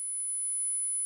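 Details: Simulated tinnitus sound, played in a discussion of masking tinnitus with nature sounds such as crickets or insects in the same frequency range.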